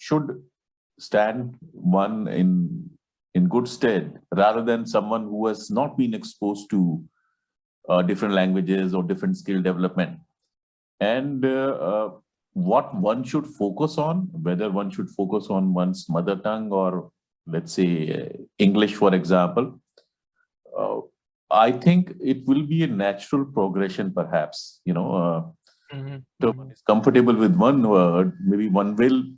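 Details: Adult male speaker; normal speech.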